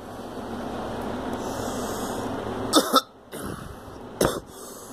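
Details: Girl coughing: two short coughs over steady background hiss from traffic or air conditioning.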